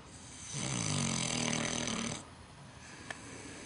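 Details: Micro pig snoring outdoors at night, described as very loud: one loud, rough, rattling breath lasting about two seconds, a snore in sleep.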